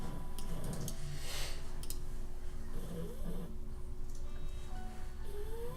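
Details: Snoring.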